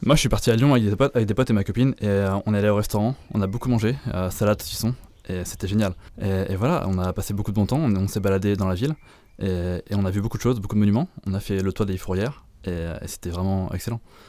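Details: Cluttering in an 18-year-old male high-school student, diagnosed by a speech therapist, who has only partial awareness of the disorder.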